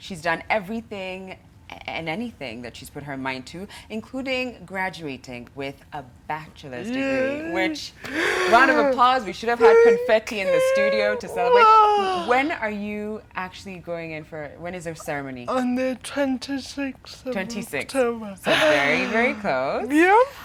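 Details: Adult female host; typical speech.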